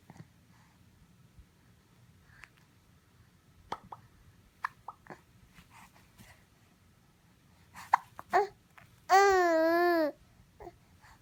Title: Mad talking baby with hiccups 2